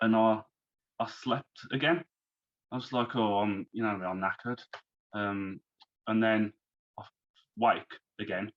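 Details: Man who had a stroke at age 33, about three months earlier, still recovering and overcoming speech difficulties; post-stroke aphasia.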